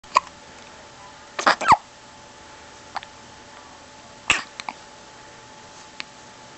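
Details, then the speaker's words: Hiccups in a baby girl: several short, sharp hiccup-like catches at irregular intervals over a quiet background. "Do you have the hiccups, baby? I'm sorry."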